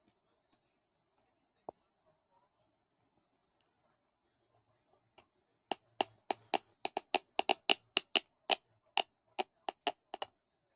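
Sharp, rapid tooth clicks and grating taps in a quiet room, fitting heavy teeth grinding (bruxism).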